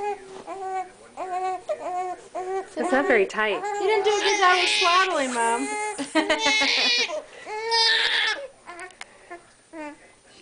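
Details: Newborn girl crying while being wrapped in a blanket; the mother says the baby is searching for food and that she is still learning to breastfeed. Repeated loud wailing cries rise and fall with brief catches of breath, ordinary newborn crying.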